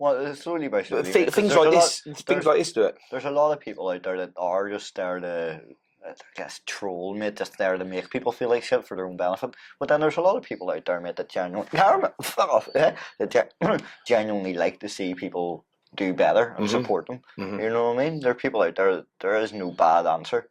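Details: Young man with Tourette syndrome diagnosed at 16, classified as chronic motor and vocal tic disorder; vocal tics include shouting "hey" and swearing, and tics flare during everyday tasks. Tourette syndrome vocal tics.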